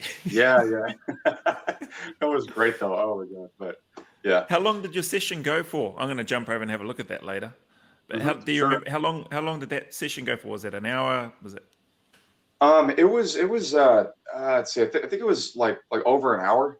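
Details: Adult male speakers in conversation; no speech disorder.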